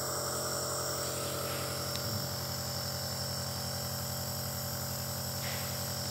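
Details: Compressor nebulizer running, used as a home remedy during COVID-19 recovery: a steady mechanical hum with a fast regular buzz.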